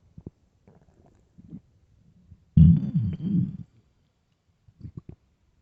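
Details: Loud, low gurgling rumble about a second long with small bubbling sounds before and after: ordinary hunger-related stomach growling (borborygmi) in a starving, hungry person.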